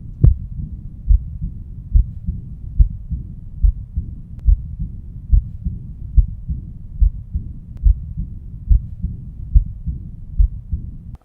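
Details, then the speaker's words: Aortic regurgitation: stethoscope at the left lower sternal border, intercostal spaces 3–4, regular heartbeat near 71 per minute with a soft blowing diastolic murmur filling the pause after each beat. "so as I put my stethoscope at the left lower stomach border around intercostal space three and four I hear a murmur that occurs after the stick moves or after systole it's occurring during diastole"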